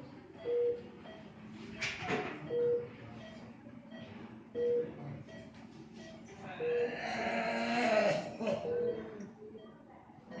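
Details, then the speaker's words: Ventilator start-up: after the oxygen supply is connected, the on/off switch is pressed and the machine takes about a minute to power on, with parameters preset for a 60 kg male, before connecting to an endotracheal tube. "On off switch यहाँ है. On हो रहा है, एक minute का समय लेता"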